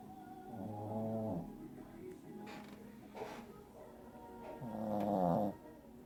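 Two drawn-out, tonal, whistly-buzzing breath sounds about four seconds apart, consistent with a sleeping pet snoring.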